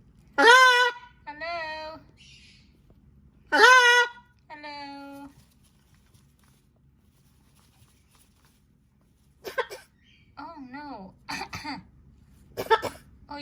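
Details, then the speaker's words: Squawky, tonal bursts from a blue and gold macaw copying a human cough while playing behind a chair; a parrot fake-coughing, imitated cough, not a real cough. "got a bad cough you okay oh my you need some cough syrup I think you're okay I think you're faking"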